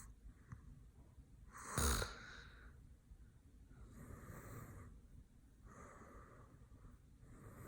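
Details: Adult man sleeping: soft rhythmic breathing noise, a brief louder snort, then quiet rasping breaths in and out; light snoring.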